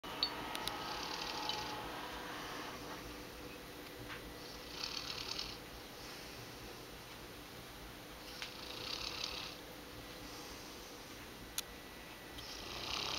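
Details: Napping female Mastiff snoring with soft, hissy breaths about 15 per minute in a quiet room; the owner notes she can snore much louder than this.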